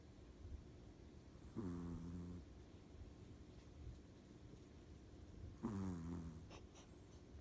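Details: Two soft, low snores about four seconds apart, each a short rumbling tone over steady room hum: snoring.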